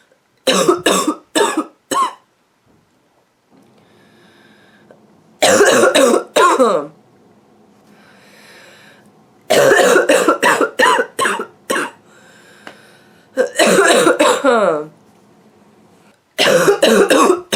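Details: Adult woman with a nonstop barking cough: repeated fits of harsh, barking coughs, about twenty coughs with brief noisy breaths between.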